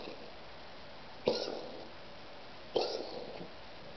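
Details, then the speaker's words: Cat coughing in a quiet room: two short, sharp coughs about a second and a half apart; the owner then asks if more coughing is happening. "You okay, sweet girl? Is that purr? So sweet. You good? Any more of that coughing stuff happening with ya?"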